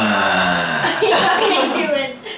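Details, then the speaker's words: Girl in a family burping contest: a long, drawn-out voiced belch trailing off into a laughing, speech-like sound; deliberate burping. "okay so here we are in the lot household and we're having a burping contest I can't even burp like this but my daughter's can's next"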